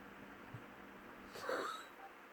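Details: One brief, harsh expulsive burst with a wheezy, whistling edge, heard against a quiet room; a single cough from a cat.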